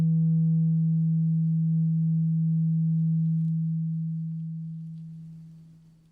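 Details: A steady pure low tuning-fork hum fading over about six seconds in an acted ASMR ear-exam hearing test. The test is repeated for clogged ears, with the patient's eyes closed, saying when the sound stops.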